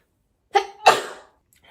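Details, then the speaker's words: Woman sneezing while doing her makeup, after trimming and plucking her eyebrows and while applying mascara: two sneezes in quick succession, each a sharp voiced burst with a hissing tail, in a quiet room; sneeze fit. "I really freaking have to sneeze all right I'm going to"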